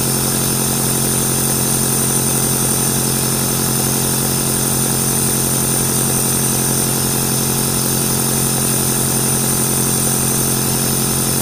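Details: Nebulizer compressor running, played as white noise to help a baby or toddler sleep: steady motor hum with fast regular pulsing and hiss.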